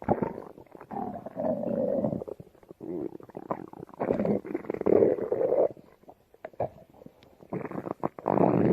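Irregular low gurgling and rumbling bursts with brief quiet gaps, picked up close to the belly; ordinary stomach growling.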